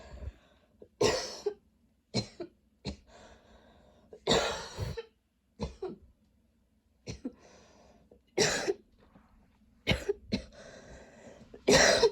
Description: coughing NONSTOP in this video, seriously i don't remember what it's like to NOT have long coughing spells, don't know why my throat still has a tickle